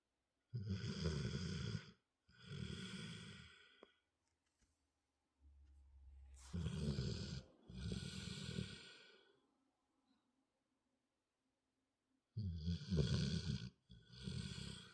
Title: Snoring right through dinner (volume up)